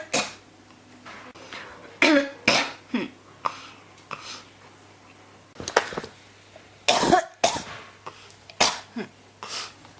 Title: 咳が止まらない 37 cough